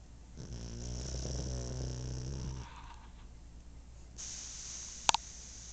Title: snoring pug